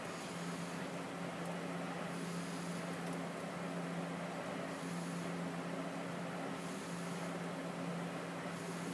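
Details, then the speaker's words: Respironics BiPAP Synchrony non-invasive ventilator, pressure set at four, demonstrated on the speaker himself: steady blower hum with airflow rising every two to three seconds as pressure support is delivered in time with spontaneous breaths. "now once it's on my patient it'll pick up their own inspiratory efforts and start delivering the pressure support"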